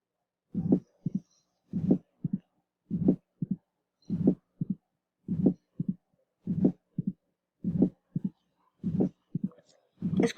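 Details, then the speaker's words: Teaching recording of abnormal heart sounds: a regular rhythm with a mitral valve opening snap, a sharp extra sound after S2, followed by a low, rumbling, dragging diastolic murmur. "un sonido como que se arrastra un sonido como que se arrastres es el chasquido y luego sigue el soplo"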